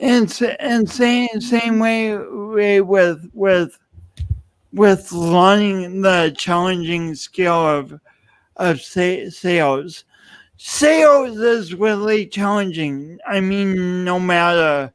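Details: Adult man with dysarthric speech, a pronounced lifelong speech impediment attributed to loss of oxygen and breath at birth; he also has an unusual walk.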